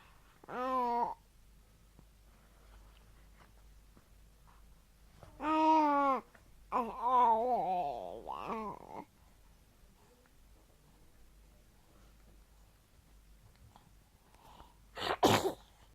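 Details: Baby singing sing-song sounds early in the morning while it is still dark, then giving one sharp, explosive sneeze.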